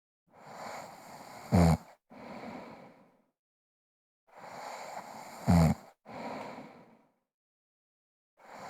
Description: Lady snores and breathes heavily while sleeping sound effect